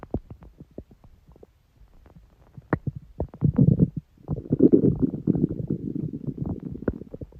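Irregular gurgling and rumbling bowel sounds with bursts of bubbling, typical ordinary stomach growling.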